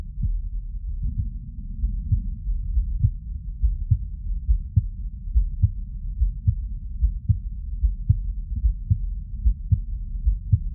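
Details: Normal heart sounds heard through a stethoscope (CS-417 phonendoscope and electronic): a steady low thumping heartbeat at about 74 a minute, over a low rumbling background.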